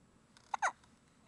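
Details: Baby's hiccups: two brief, sharp voiced gulps in a quiet room, the abrupt catch of hiccups.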